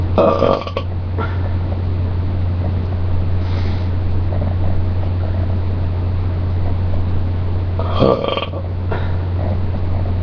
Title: first burping video